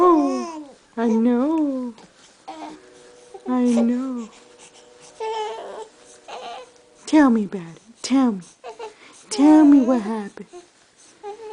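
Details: Repeated fussy wails and whimpering cries from an infant, with short pauses between bursts, in a small indoor room; infant cry in a clip otherwise about the baby sneezing.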